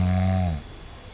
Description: My wife took this video of me snoring after we got back from our trip to Taiwan. The jet lag really did it.